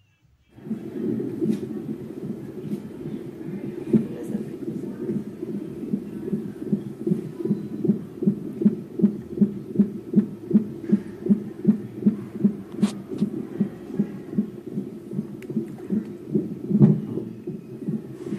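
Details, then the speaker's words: Fetal heart heard with a fetal Doppler transducer on the pregnant abdomen, rapid regular whooshing beats at 140 per minute, within the normal 120–160 range; nursing demonstration of fetal heart rate auscultation. "muy bien señorita cristina muchas gracias su bueno tiene una frecuencia cardiaca fetal de 140 latidos por minuto así que se encuentra dentro del rango normal"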